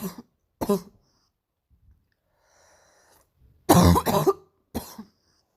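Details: Painful morning cough: about five harsh coughs in separate bursts, with a short pause and faint breath between.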